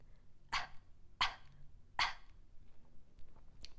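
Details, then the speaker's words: Voice-therapy demonstration of a gentle throat clear for chronic throat clearers: three short, soft puffs of air through the vocal cords to clear mucus or a tickle, less harsh than forceful clearing. "the first one is called a gentle throat clear and what that is is we are going to puff air from the vocal cords to kind of clear the vocal cords of any mucus or maybe past the sensation of a tickle it sounds like this"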